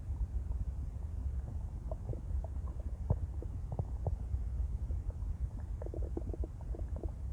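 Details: Female after an 18-hour fast, empty-stomach growling: low continuous rumbling with scattered faint gurgles and pops.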